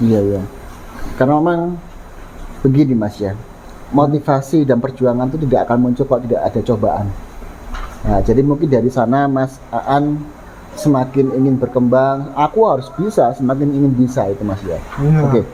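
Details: Adult male speaker; ordinary speech.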